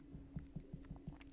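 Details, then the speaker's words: Sharp, closely spaced low heart thumps over a steady background hum: mitral opening snap from stenosed but supple valves, followed by a low diastolic rumble; mitral stenosis. "Alors, on peut entendre le claquement d'ouverture. Ensuite, il y aura un roulement diastolique."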